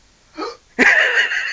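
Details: Man with hiccups while sitting in his room, described as sounding like a sea lion: a sharp, abrupt voiced hiccup-like gulp followed by a brief squeaky vocal sound.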